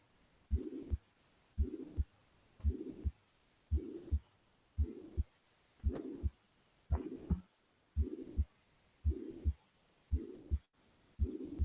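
Regular heartbeat about 56 a minute, with a blowing murmur filling the whole gap between first and second sounds: holosystolic mitral regurgitation murmur at the apex.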